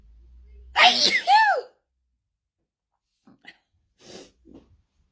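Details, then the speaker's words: Sneeze in a bout of repeated sneezing, trigger unknown (sometimes perfume, cleaning products or powder): one loud explosive sneeze with a voiced cry, then quiet breaths and small sounds. "Don't ask me what the trigger is because I have absolutely no idea. I just sneeze. Sometimes I just sneeze."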